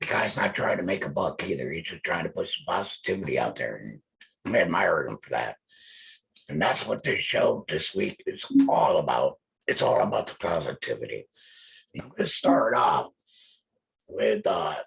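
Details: Male laryngectomee speaking with an electrolarynx held to his neck, his only form of communication; electrolarynx speech.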